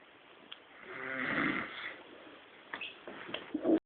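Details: Sleeping man who says he doesn't snore and has hiccups during his sleep: a single rough, rattling snore on the in-breath, followed by short snorting catches near the end; snoring.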